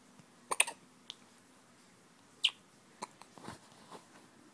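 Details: A person with an attack of the hiccups: several soft, sharp clicking gasps at uneven intervals in a quiet room.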